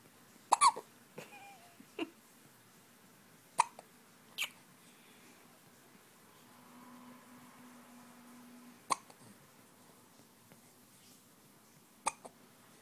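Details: Attack of the hiccups: sharp, brief gulping clicks at irregular intervals, about six in thirteen seconds, in a quiet room; hiccups.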